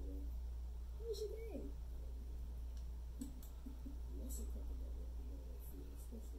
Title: Hearing Speech With A Cookie Bite Hearing Loss | Congenital Hearing Loss Simulation